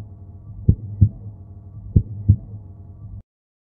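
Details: Two slow, clear lub-dub human heartbeats at about 47 a minute over a low steady hum; normal heart sounds, sound-effect recording.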